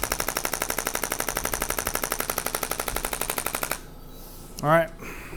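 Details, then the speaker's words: Shockwave therapy device running, ramping up, applied to a man's lower back (ends at intensity 3.5 of 5, second-highest head) during chiropractic treatment: rapid, even mechanical tapping pulses for several seconds, then stop and a brief voice. "So it's on a comfort setting right now. It's basically ramping up to what I put it at."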